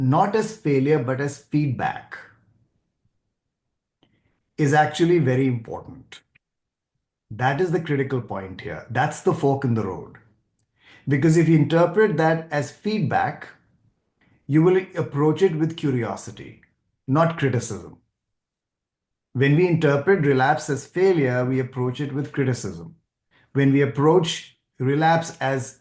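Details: Adult male speaker; fluent speech.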